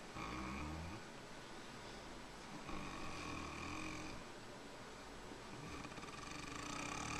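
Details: Asleep and snoring, recorded on a Flip Video camera: low rumbling snores recur over a steady background hiss; ordinary snoring.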